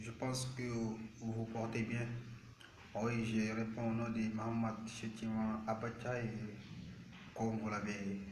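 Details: Male speaker with stuttering since age 7; stuttering.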